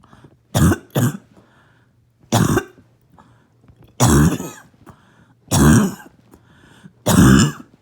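Six harsh, forceful adult coughs, the first two close together, with a barking quality.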